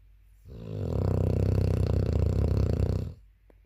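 One long, loud, rattling snore on the breath in, with a rough fluttering buzz, from a young dog.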